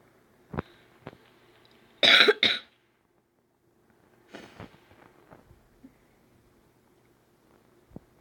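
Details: Two sharp coughs close together in a brief coughing episode, surrounded by faint clicks and room sounds, during a casual recording that includes an apology for the coughing.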